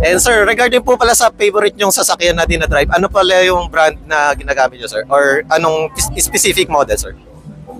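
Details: Adult speaker (interviewer); normal fluent speech.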